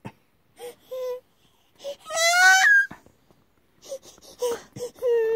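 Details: Baby girl crying when dad stops swinging her, short wailing bursts with clear pitched voicing and brief whimpers between cries: infant cry.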